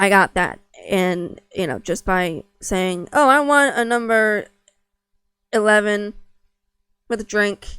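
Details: Stuttering in an adult woman, unedited.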